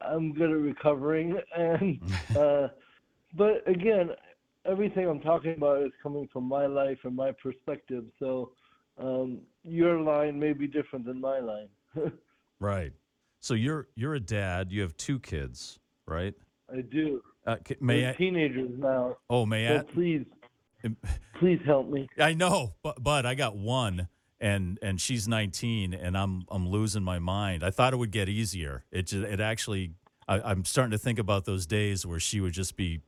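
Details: Adult male comedian with cerebral palsy, which he calls severe, has dysarthria from cerebral palsy, heard in conversational interview speech.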